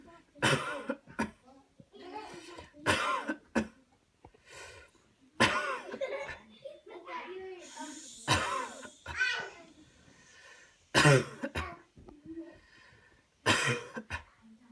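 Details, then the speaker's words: Manually assisted cough demonstration: after paced deep breaths, the patient coughs on command while a helper presses on the body; several forceful coughs with brief voices between. "okay here we go oh one two three put deep deep deep cough"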